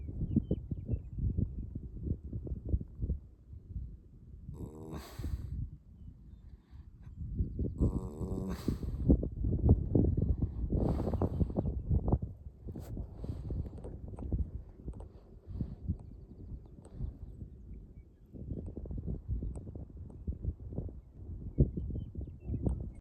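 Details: A resting horse, tired after a long competitive trail ride the day before, gives low rumbling snores with a few brief louder snorts against outdoor noise.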